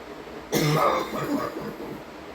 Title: hard coughing (f)